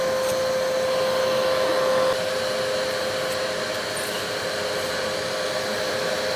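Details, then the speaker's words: Vacuum-powered Baby-Vac nasal aspirator, prescribed by a doctor, attached to a household vacuum cleaner clearing dried mucus from a baby's nose: steady whirring vacuum roar with whistling suction hiss. "we will connect them and we will turn on the vacuum try oh my God it's so fast yeah one more"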